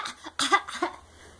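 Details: Baby boy imitating a cough on purpose: a couple of short, voiced fake coughs rather than illness.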